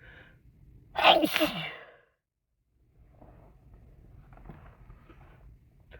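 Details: Sick with a cold, many sneezes self-induced; one forceful sneeze with a quick intake and explosive release, then quiet room noise.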